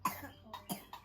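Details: Four short, dry coughs from a 29-month-old child with a common cold.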